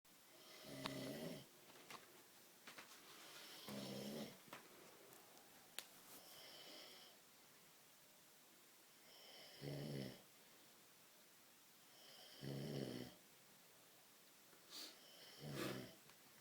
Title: My Dad snoring like a Boss at 2.4 AM Must watch !!!